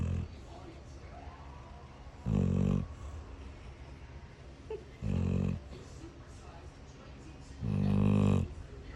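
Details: Loud, rumbling snores from a little girl sleeping after a stressful day, three snores about 2.5 seconds apart over steady room noise; rhythmic snoring.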